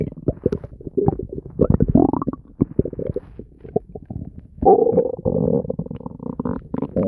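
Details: Bowel sounds (borborygmi).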